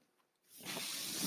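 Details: Podcaster's own home mechanical ventilator in background: near silence, then a steady rising hiss of airflow as it begins delivering a breath; mechanical ventilator breath cycle.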